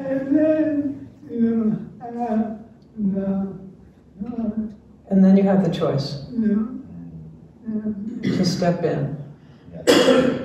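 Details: Dysarthria in an older man, a retired pediatrician, with ALS diagnosed in late 2021; his wife translates his speech, and his jaw trembling is neurologic clonus.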